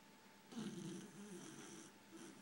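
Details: Soft, low rattling snore on one breath that fades and then returns faintly, from a sleeper the owner suspects may need a CPAP machine; snoring.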